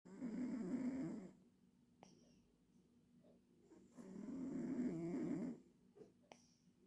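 Two rattling, fluttering snores on breaths in, with quiet pauses between; ordinary snoring in a sleeping cat.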